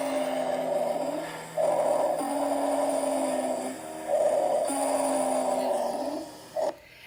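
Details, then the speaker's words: Sustained high-pitched musical whistling over breath cycles, heard mostly on exhale: wheezes from tight, narrowed airways as in asthma, bronchitis or emphysema. "This is the tight bronchitis um asthma, your emphyma patients, tight airway. So again, this is what wheezing sounds like."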